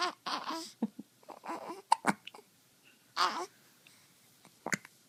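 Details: Babbling vocal sounds broken by a few short, sharp, abrupt catches; hiccups.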